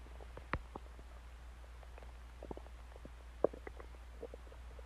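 Soft, scattered gurgles and pops of an active stomach; ordinary growling bowel sounds, a normal finding.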